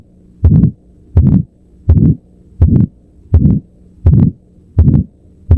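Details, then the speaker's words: Stethoscope at the right upper sternal border: regular heartbeat about 83 a minute with a harsh crescendo-decrescendo systolic murmur radiating to the carotids; aortic stenosis. "You hear a harsh crescendo decrescendo systolic murmur that radiates straight to the corateeds. This one almost vibrates through your chest."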